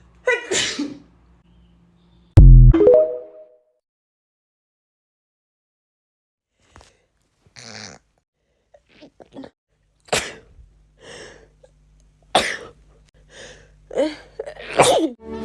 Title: Girl Allergy Sneeze 3